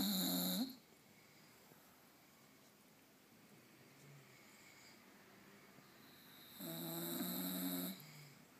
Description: My lovely bull dog snoring away! Typical day for a lazy dog.